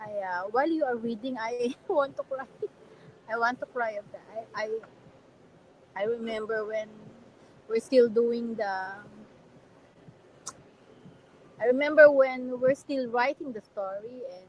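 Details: Adult man with severe cerebral palsy; dysarthria.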